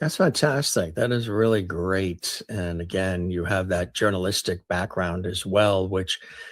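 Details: Adult man; typical speech.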